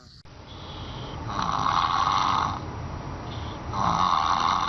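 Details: Sleeping baby snoring: loud, rough, nasal snoring noises in long drawn breaths.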